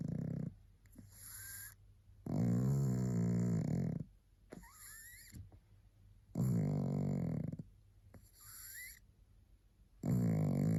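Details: A very tired pug, barely able to hold its head up, snoring loudly with rattling snores on each in-breath and quieter out-breaths, about 14 breaths a minute.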